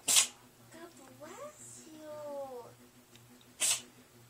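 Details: Sneezing fit in a cat, possibly from food stuck up her nose: two short, sharp sneezes about three seconds apart with soft human voices between; spit seen on her chin afterward.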